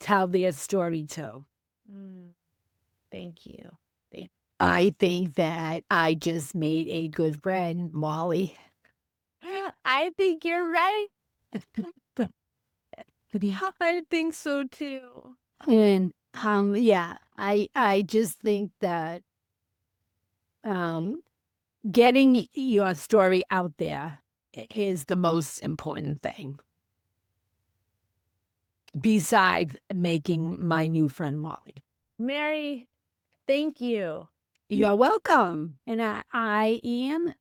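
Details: Female teacher with aphasia after a stroke on January 28, 2010; she could not speak at all for three months and is now 15 years post-stroke; aphasia.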